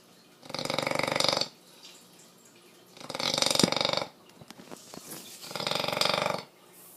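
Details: Female "bully" snoring like a pig: three loud, rattling snores about every two and a half seconds, with quiet gaps and small smacking sounds between.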